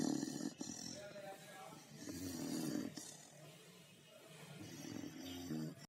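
Loud, rough, rattling breaths about every two seconds, around 26 a minute: snoring in a sleeping dog.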